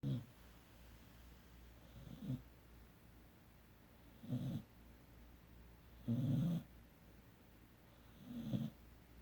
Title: 17 Week Puppy- Emery Snoring